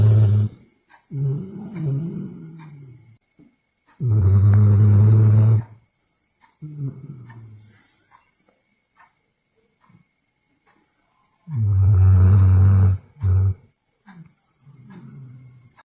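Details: Sleeping pet Golden Retriever snoring: deep, rumbling, growl-like snores, irregular, about eight a minute, with quiet gaps between them.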